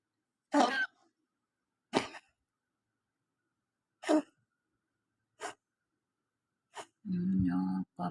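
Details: Cat giving five short, harsh, spaced coughs over several seconds, ending with a brief voiced sound; coughing.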